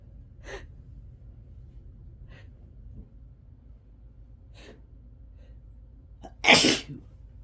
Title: Loud uncontrolled sneezing